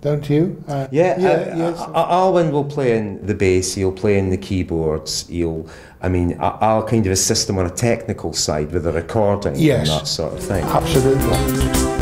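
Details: Adult male speaker; normal fluent speech.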